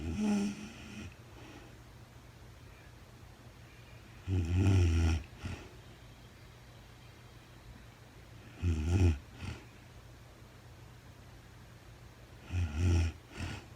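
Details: A woman sleeping in real time, with no talking, gives three low, rumbling snores about four seconds apart, each followed by a softer out-breath, in a quiet room.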